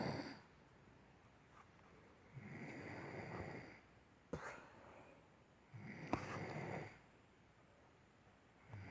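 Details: Recorded 4-15-16: rough, noisy snores on each in-breath with quiet gaps between, about two to three breaths heard; ordinary snoring during sleep.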